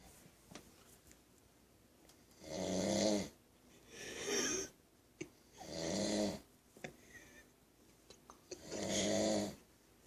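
Rough, rattling snores alternating with noisy breaths out, about every three seconds. Snoring.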